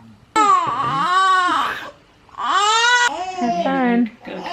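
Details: Newborn baby girl, day of her hospital hearing test: two long, loud, tense wails with a brief pause between; parent mentions gas pain that day; infant cry.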